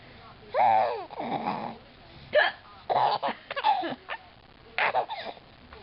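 Repeated short, abrupt voiced hiccup sounds mixed with laughter; hiccups.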